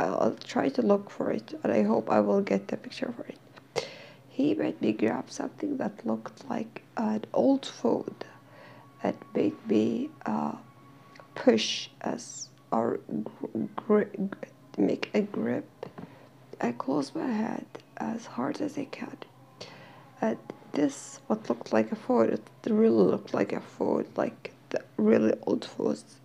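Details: Dysphonia in a female speaker who is in therapy and slowly regaining her voice; she says she is hard to understand.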